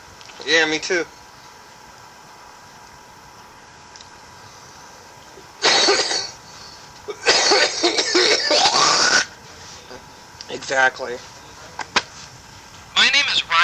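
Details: Harsh, rough coughing fits with hacking and throat clearing, separated by quiet gaps, from a man after taking large hits of smoke; irritant cough.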